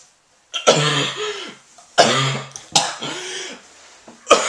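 Four harsh, forceful coughs from an adult, some with a voiced, throaty tail; an acted cough in a comedy setting.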